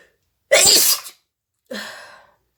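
One sharp, hissing sneeze, then a second, softer sneeze about a second later.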